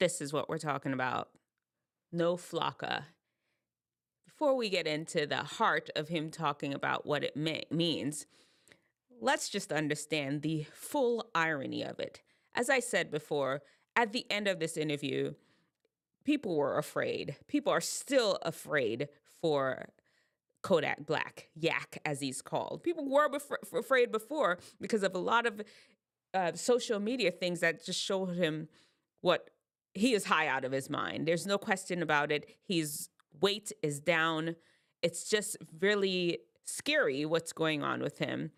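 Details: Adult speaker; normal speech.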